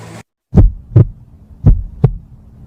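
Two pairs of low thumps, each a lub-dub, heard through a stethoscope: ordinary heart sounds, about 75 beats a minute.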